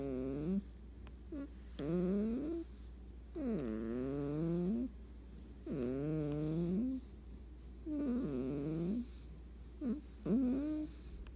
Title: Cat snores while sleeping Very funny and cute